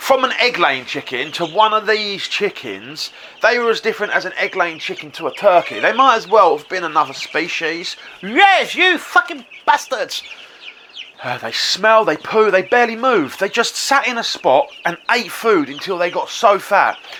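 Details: Man with Tourette syndrome who suppresses tics in public and then tics heavily later, including tic attacks; vocal tics such as swearing outbursts occur mid-conversation. Vocal tics (Tourette syndrome).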